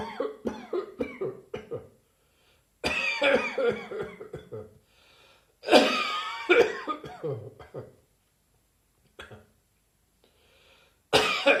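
Repeated harsh, dry cough bursts in rapid clusters, a prolonged dry coughing fit.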